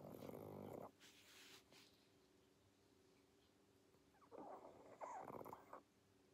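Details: Sleeping pug: soft, rough snoring breaths with snorting, quiet between breaths; snoring.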